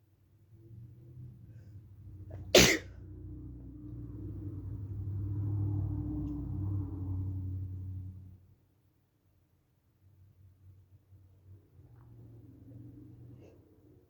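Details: Induced sneeze during a cold: one sharp, explosive sneeze, then a low breathy exhale, a groan and quiet room noise.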